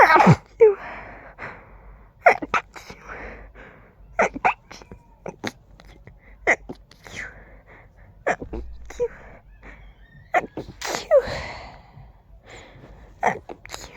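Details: Allergies acting up, tickly and fast: about a dozen stifled, muffled sneezes in quick succession with quick breaths between; huge stifled sneezing fit.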